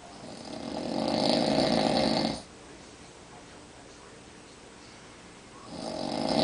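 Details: Adult man who snores every night, recorded asleep on a recliner chair in the dark: long, loud rasping inspiratory snore, quiet pause, then the next snore starting; ordinary heavy snoring.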